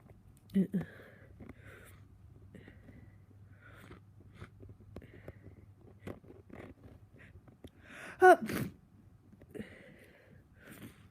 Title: Soooo congested - big sniffs and some sneezes